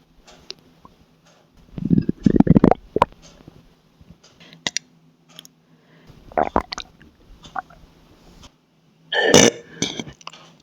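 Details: Several low belches in a quiet room with faint stomach gurgles between them: burping.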